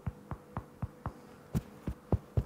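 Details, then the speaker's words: Self-demonstration of finger percussion over the liver at the bottom of the right rib cage, contrasted with hyperresonant percussion; dull percussion note. "easiest that I can find is the liver so the liver usually is right here if you put your hand just on the bottom of the rib cage you can feel the rib cage right here just put your hand on top it's a different sound isn't it"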